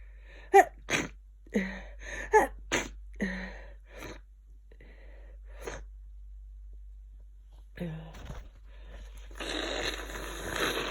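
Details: Person with an awful cold, in bed for two days with a very blocked nose: a run of quick sniffs and short sneezes, then a long nose blow; sniffing, sneezing and nose blowing.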